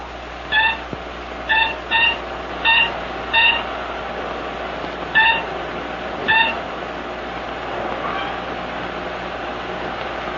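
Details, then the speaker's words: Cardiac monitor wired to a man's heart after his heart has stopped repeatedly, set to shock it into restarting: a short tone with each heartbeat, unevenly spaced, over steady room hum. "it is now connected by wire to my heart and is watching over my heartbeat so that should my heart start stop again uh the machine will automatically cut in and Shop it into starting again sound that you hear is the sound of my"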